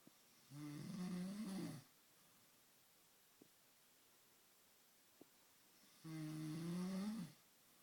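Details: Two long, low, vibrating snores about six seconds apart with quiet between them; snoring during sleep.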